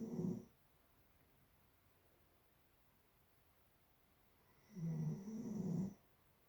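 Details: Doodle dog snoring in sleep: a low rattling snore on each breath, one at the start and a long one near the end, quiet in between.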